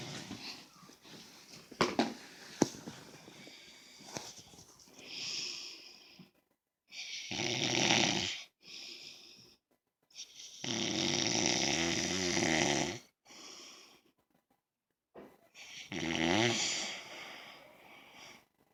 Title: Dad snoring